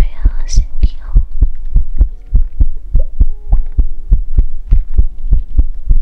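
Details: Heartbeat ASMR recording: steady deep thumping beats at about 100 a minute with faint whispery sounds in the background; normal heartbeat.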